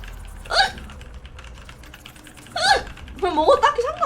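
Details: Twitch streamer with hiccups during a live stream: two sharp, voiced hiccups about two seconds apart, then brief vocalizing, with keyboard typing in the background.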